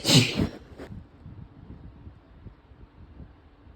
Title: Female Sneezing